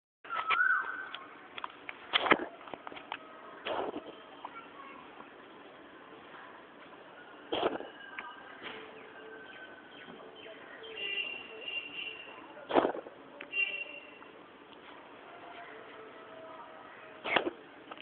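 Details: Cat coughing: five brief, harsh cough bursts spaced several seconds apart, against quiet outdoor noise.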